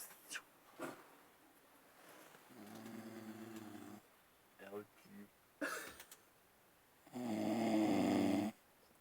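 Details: Snoring during sleep at a camp: buzzing, rattling breath sounds, with some room noise and a few brief voices.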